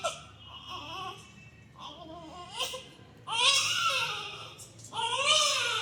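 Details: Newborn cry from a sound-effect recording: whimpering cries building into loud, wailing crying; newborn cry.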